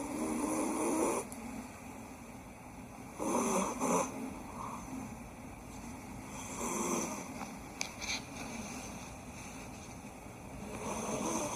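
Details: A sleeping cat snores in slow, regular rasping breaths, about 18 a minute, against faint room hiss: snoring.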